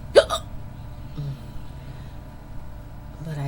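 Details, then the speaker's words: Simulated roleplay audio of a young woman trying to fall asleep, saying she has had hiccups off and on for 15–20 minutes: one sharp, abrupt voiced hiccup, then quiet room noise with a faint second catch. "I can't can't do to these hiccups hiccups excuse me I've had them for about I've had them off and on for about 15 20. minutes"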